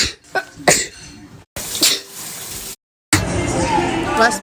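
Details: Several sharp, explosive sneezes in a row with brief breaths and pauses between them; repeated sneezing.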